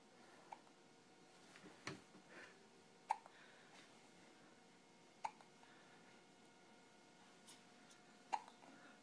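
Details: Short, abrupt hiccups every two to three seconds, about five in nine seconds, in a quiet room; ordinary hiccups.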